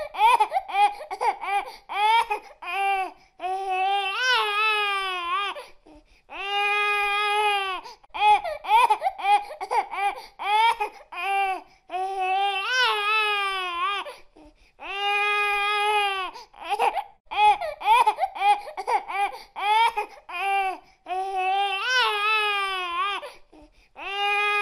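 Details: Hungry infant crying: rhythmic, rising-falling wails with short catch breaths between bursts.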